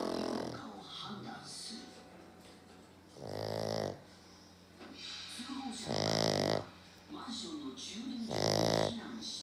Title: イビキをかいて寝そうな黒パグ!!A black pug that looks like it's going to sleep while snoring!